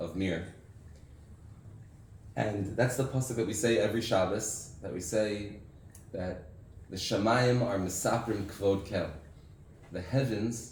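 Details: Adult man with aphasia after a stroke six years earlier, with memory loss and loss of use of an arm; difficulty speaking, writing and reading, knows what to say but can't get it out; reading a prepared text aloud; aphasia after stroke.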